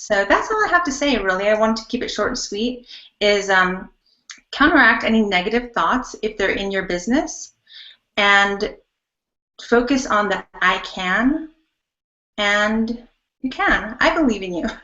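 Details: Adult woman speaking; normal voice.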